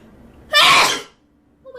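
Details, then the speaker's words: One very loud, forceful, hissing sneeze of about half a second over faint room noise; the person says they cannot stop sneezing and suspects fuzz in the nose. "my god. I'm sorry. I cannot stop sneezing."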